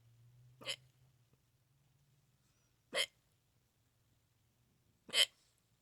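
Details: Filming own neck: three sharp, abrupt hiccup sounds a couple of seconds apart in a quiet room; loud hiccups.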